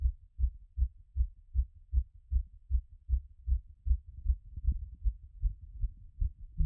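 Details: Steady, regular low thumping heartbeat at about 150 beats per minute through a stethoscope after a workout, down from around 180 and settling; heart sounds after exercise.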